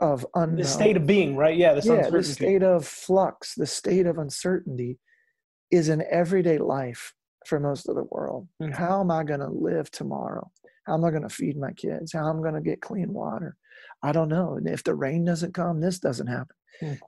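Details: Adult male former rock lead singer with incurable spasmodic dysphonia, which began at the height of his singing career, was first taken for hoarseness, could not be fixed by doctors and ended his singing; still audible in his speech; spasmodic dysphonia.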